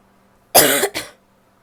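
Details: A female gives a single harsh, barky cough with a short second burst, among coughs some wet, most barky; finding: barking cough.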